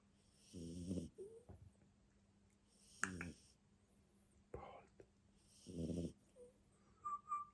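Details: Jack Russell Terrier dog asleep: short raspy snores with each breath in, about every two to three seconds, mixed with soft snorts and wheezy whistles; snoring.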